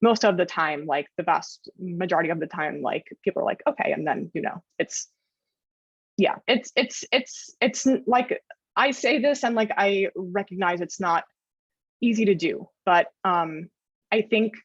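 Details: Adult woman who stutters and reports blocking when introducing herself: stuttering.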